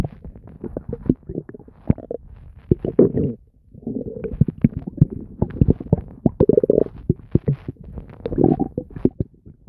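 Near-continuous gurgling and bubbling with popping clicks and low rumbles; normal active bowel sounds.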